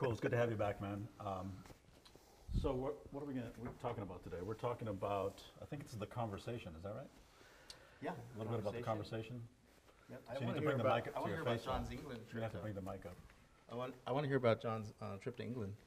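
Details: Adult male speaker; Normal voice.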